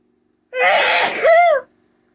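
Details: One loud, explosive sneeze with a voiced, rising-falling ending, during a sneezing fit while talking.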